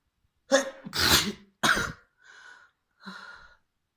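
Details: Three forceful, wet sneezes in quick succession, followed by two softer sniffing breaths, from a trans woman deliberately inducing a messy sneezing fit with a fluffy white feather; sneezing.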